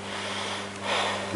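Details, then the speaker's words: Deep mouth breathing on request during anterior chest auscultation with a stethoscope diaphragm over the apices; patient told to breathe deeply through the mouth, not the nose, moderately paced; single breath drawn through the mouth over electrical hum. "اريدك تاخذ نفس وذبه من حلقك مو من خشمك، مو كلش سريع ولا كلش بطيء، بحالتك لأدي أدي بس شوية أكثر منها."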